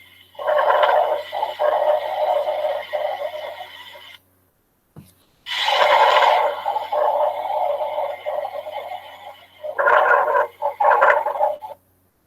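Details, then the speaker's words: Teaching example of rhonchi: long, low, snoring-like rumbling sounds, mostly expiratory, from airways obstructed by thick secretions; said to clear after coughing and to occur in tracheobronchitis or bronchitis. "Algo característico de los roncos es que desaparecen después de que el paciente tose y se pueden presentar en caso de una traqueobronquitis o una bronquitis, ¿ya? Entonces, ¿cómo se escucha el roncos?"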